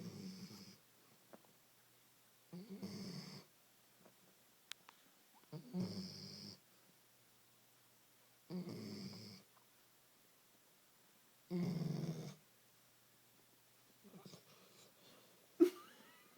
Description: My silly dog is snoring.